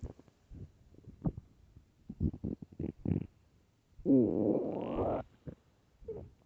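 Loud gurgling and rumbling stomach noises with a long, drawn-out groan; ordinary hunger growling from an empty stomach.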